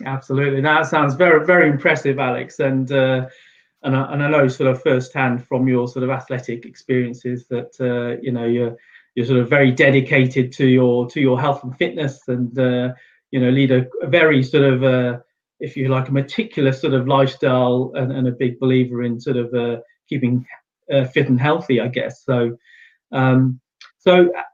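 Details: Adult male speaker; normal speech.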